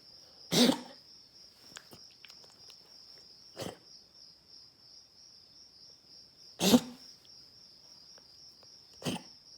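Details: Quiet night with crickets chirping; a dog gives two loud, harsh coughs and two softer ones, coughing all night.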